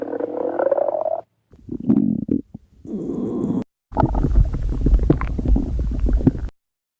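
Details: After overeating: gurgling, rumbling bursts with creaky bubbling runs; stomach growling (borborygmi).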